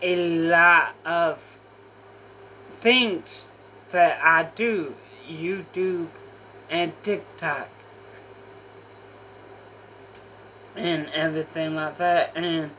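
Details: Apraxia of speech in a female speaker who says she has apraxia.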